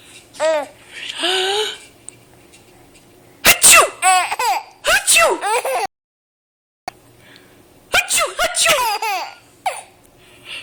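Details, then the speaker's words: An adult gives several sharp, explosive sneezes while a baby laughs and giggles brightly around them. "good I think he's gonna think it's hysterical when you sneeze"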